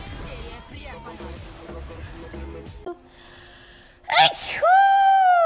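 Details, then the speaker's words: A live streamer sneezing: music plays, then a sudden explosive sneeze breaks in, followed by a sustained voiced sound. "Ой, я чихал. Фи, мы отступаем."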